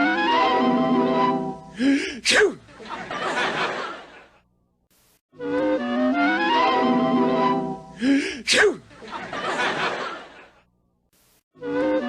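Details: Musical chime phrase ending in a sharp intake and a cartoon-style sneeze burst, repeated twice; imitated, not real, sneeze over music in a logo effect.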